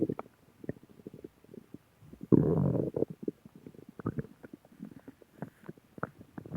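Irregular gurgles and clicks with one louder rumbling growl lasting under a second; ordinary stomach growling from gas and fluid moving.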